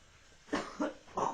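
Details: Three short, rough cough bursts from an adult with a cold or flu (stated as not COVID) and a sore throat.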